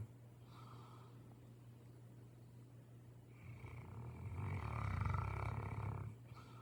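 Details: Sleeping St. Bernard dog snoring while lounging: a low rumbling snore rising on a long breath, with a steady fluttering rattle through it.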